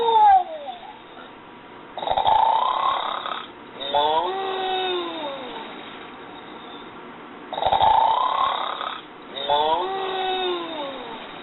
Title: Gund Seymore The Snoring Bull